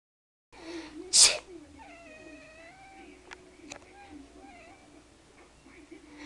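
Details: Cat that dislikes sneezes: a single sharp, hissing sneeze burst followed by the cat's drawn-out, complaining meows; sneeze.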